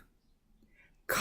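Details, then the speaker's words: A single sharp, explosive cough that begins abruptly after a quiet pause and is cut off; a pronunciation example of the word cough. "cough verb to force air out of your lungs through your throat with a short loud sound"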